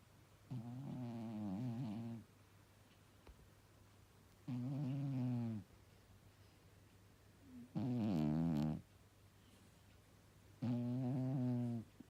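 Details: A sleeping cat snoring: soft, buzzing, slightly tonal snores on each breath, about 19 breaths a minute, in a quiet room.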